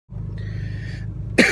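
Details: Person still sick with a lingering cough for days, very tired: cough.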